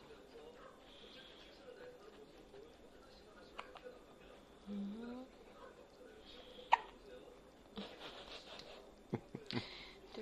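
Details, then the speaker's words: Newborn baby, 10 days old, with hiccups: faint, abrupt little hiccup sounds in a quiet room with soft adult voices; baby also hiccuped in the womb. "신선한 딸꾹질. 응. 뱃속에서도 딸꾹질 했었지."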